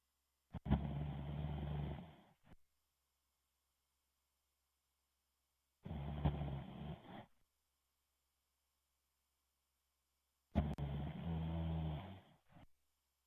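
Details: Three long, low rumbling snores about five seconds apart, roughly 11 a minute, with silence between them; heavy snoring picked up through an Xbox Live headset.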